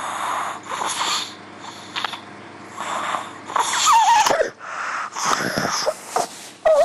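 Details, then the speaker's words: Harsh, noisy, labored breaths with snorting and gasps during sleep in a child, unlike typical adult snoring, shown as an example of childhood sleep-disordered breathing; obstructive sleep apnea breathing. "so I think that I always find it quite hard to watch that video but I think it gives you a good impression of what sleep apnea looks like in children"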